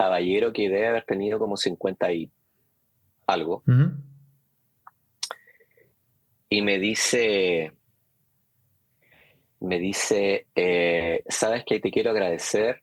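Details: Adult man who stutters, speaking Spanish; stuttering.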